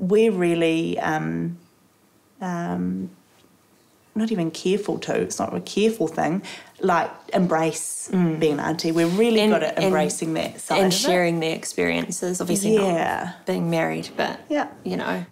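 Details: Adult woman speaking; ordinary speech.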